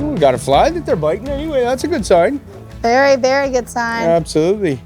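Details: Adult speaker; normal speech.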